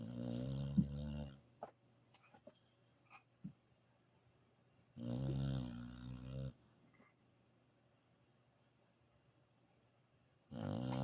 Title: Boss snoring away after a hard day at play.